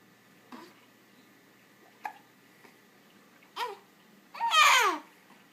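An infant gives three short voiced hiccup sounds about every second and a half, then a brief louder squeal.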